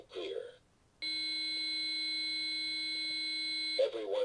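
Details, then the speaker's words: Infant AED on a one-rescuer healthcare-provider CPR demonstration: after analysis, voice prompts "Shock advised. Charging. Everyone stand clear. Push the shock button" with a steady high-pitched charging tone; shockable rhythm, device charging to shock. "AED: Shock advised. Charging. Everyone stand clear. Everyone stand clear. Push the shock button."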